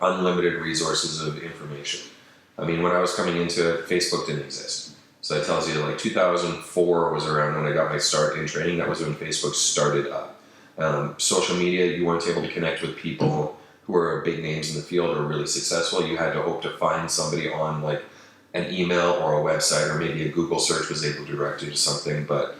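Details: Adult male speaker; normal voice.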